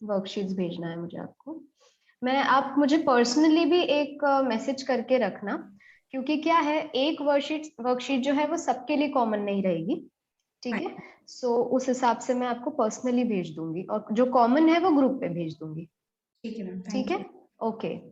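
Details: Adult female speaker; normal speech.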